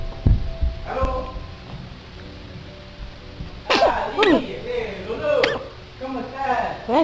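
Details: Infant, apparently a girl, sneezing: a small, quick baby sneeze amid household talk and faint music, followed by "bless you"; an ordinary baby sneeze.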